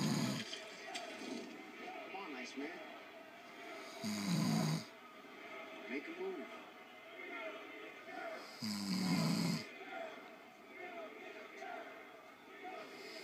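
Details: Three loud, rough snores about 4 to 5 seconds apart from a man sleeping in bed, over background television talk; ordinary snoring.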